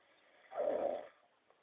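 A single rough, rattling snore on one breath.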